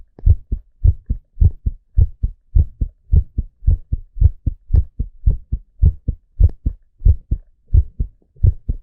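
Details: Adult male heartbeat with steady low paired lub-dub thumps, about 52 beats a minute: a normal heartbeat.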